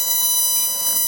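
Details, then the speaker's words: CO2 laser lip reduction on a Caucasian patient's lower lip, removing mucosa and salivary glands bloodlessly: steady high-pitched electronic tone as the laser fires. "So you can see how nice this comes off with the laser. And there's just zero removed."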